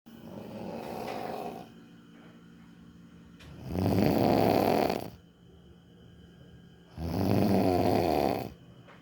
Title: She snores louder. #viralvideo